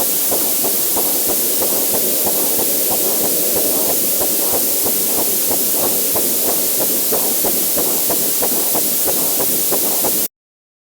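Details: Rapid, regular whooshing pulses of a fetal heartbeat picked up by Doppler ultrasound, over a steady hiss.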